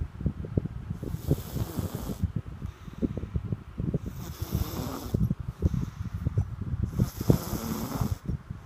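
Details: Loud, continuous, rough, fluttering snoring during sleep, with repeated breath cycles and an airy hiss between them.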